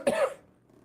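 A single short, forceful cough from an older man, followed by quiet room sound.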